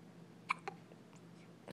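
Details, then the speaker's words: 2-week-old baby girl: two sharp hiccup bursts close together, then a fainter one, over a steady low room hum; hiccups. "cutest hiccups ever. Poor babykins."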